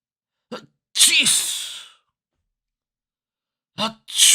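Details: Short intake then an explosive hissing sneeze, a second beginning at the end, from a sneeze sound collection of different people and styles; two sneezes.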